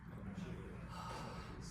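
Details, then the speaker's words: Huff cough (forced expiration technique) for airway clearance, demonstrated by a patient coached by a student physical therapist: a soft, open-mouthed forced breath out, like fogging up a mirror. "we want a nice Huff cough so it's like you're like fogging up your mirror can you try that"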